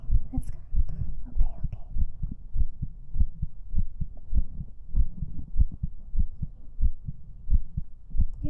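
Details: ASMR stream heartbeat recorded with a 3Dio binaural microphone: soft, regular low thumps at about 95 a minute with faint whispery noise over them; heartbeat.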